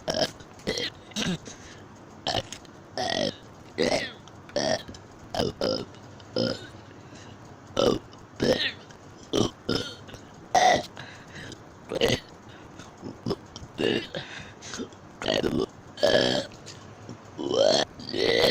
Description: Watch me say the alphabet in burp talk